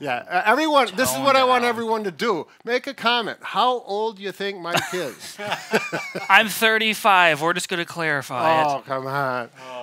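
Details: Adult men talking in a small room; ordinary speech.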